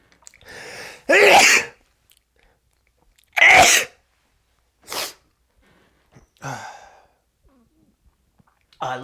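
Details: Man's run of eleven loud, explosive sneezes in a comedy sketch outtake, each a sharp burst of air with brief pauses, softer sneezes trailing off.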